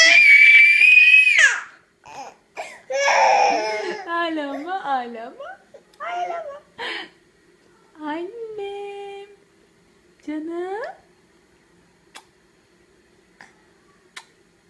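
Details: Baby crying in response to mother: a loud scream, then fussy whimpering and short crying bursts separated by pauses; ordinary infant crying.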